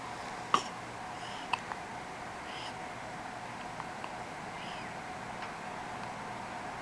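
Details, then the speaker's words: Hiccups, recorded 2010: soft, sharp catches in breathing about once a second over a background hiss, while someone gently asks whether they have the hiccups. "You have the hiccups? They're not your favorite thing in the world, are they?"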